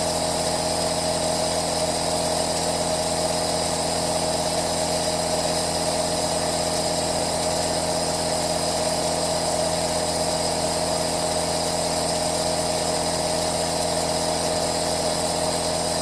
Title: ASMR Aerosol 3D | 10H Best noise to relax - Asmr aerosol nebulizer